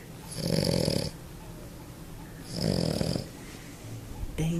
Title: Snoring Pug - Awake or Asleep The Pug snores.